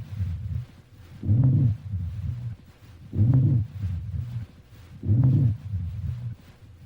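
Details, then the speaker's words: Chest auscultation recording played as a teaching example of a continuous adventitious lung sound: low-pitched, rumbling continuous sounds recurring with each breath; rhonchi. "então eu vou colocar primeiramente o som contínuo vou colocar o ronco para você observar escuta aí o"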